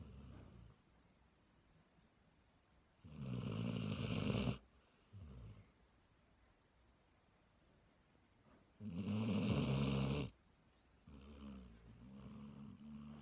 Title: Snoring Daisy Basset Hound